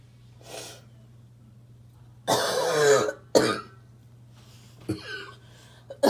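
Several harsh, forceful coughs with a rough, barking quality, some in close bursts, from an adult; a persistent barking cough.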